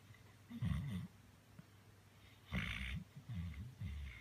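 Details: Sleeping, dreaming male chocolate Labrador: low, irregular snoring breaths with soft grunts and whimpers.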